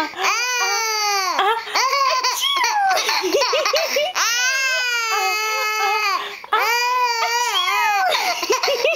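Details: Infant boy with a fever: long, loud, clear-toned wails with rising and falling pitch, split by brief breaths, typical infant crying.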